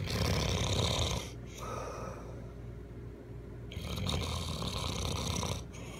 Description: Very very very big snoring. / Every night I need my husband snoring.